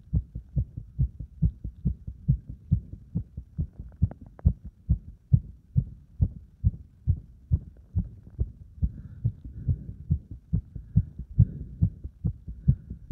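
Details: Heart after burpees followed by deep squats: a fast, strong, regular heartbeat around 140 beats a minute; tachycardia after exercise.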